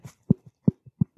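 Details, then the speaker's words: Adult male pro wrestler's jaw making three sharp, low popping clicks with softer taps between on opening and closing; possible TMJ, he once dislocated his jaw in high-school wrestling. "my job jaw popping in and out is that TMJ or is that your brother punching you okay who knows I'm gonna guess it's the jaw or the punch"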